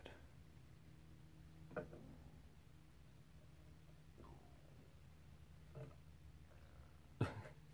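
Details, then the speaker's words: A few faint gurgles and squelchy bursts of an adult's stomach rumbling over a low room hum while fly tying indoors; the person says it is going mental and suspects stress. "you hear my my stomach just going absolutely mental right now must be stressed"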